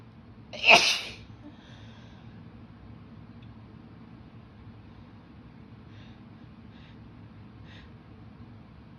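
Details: Adult female sneezing after holding in itchy sneezes all day at work, following rain soaking and air conditioning, induced by tickling her nose: one sharp, explosive sneeze, then quiet breathing and faint sniffs.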